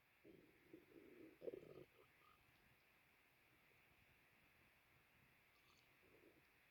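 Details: A few low gurgling rumbles over two seconds, then quiet; stomach growling (borborygmi) with a full stomach after lunch.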